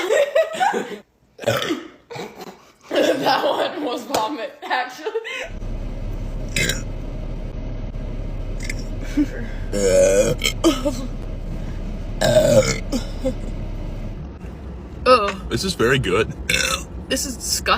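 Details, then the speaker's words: Woman burping after taking pre-workout on leg day: several loud, drawn-out voiced belches amid laughter and chatter; "excuse you," "you burped"; burping, a normal release of swallowed air. "disgusting hey you burped"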